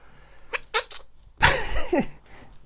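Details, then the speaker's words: Small animal, likely a cat, sneezing repeatedly, possibly from dust sniffed in a cupboard: two small sharp bursts then a stronger, squeaky sneeze. "hello hello he's very Sneezy right now why are you sneezing so much it might have got some dust up his nose"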